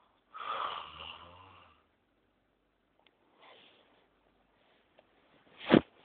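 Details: Snoring like a bulldozer going uphill: loud, rough, rattling snore on an in-breath, a faint second breath, then a brief sharp snort; heavy snoring.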